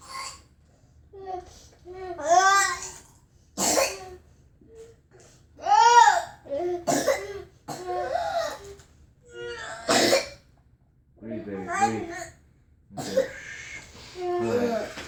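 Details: Child with whooping cough (pertussis) at bedtime: repeated harsh coughing bursts between tearful, crying breaths, a pertussis coughing fit.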